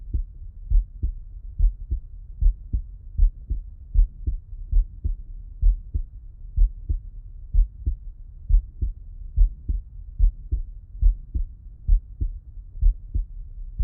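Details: Heart auscultation with the person lying on the left side; normal heart sounds.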